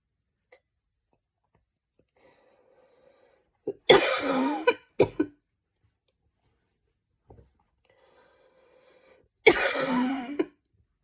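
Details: An adult, after trying breathing techniques to cough up mucus, gives loud, harsh barking coughs following faint breathing; barking cough.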